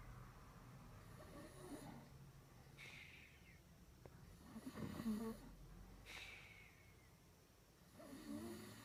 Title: Snores like a train this one